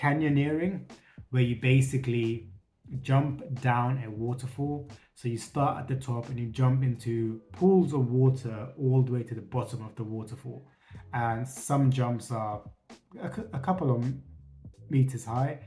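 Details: Adult male who says he still has a stutter and bad days, having reduced it by facing his fears; stuttering.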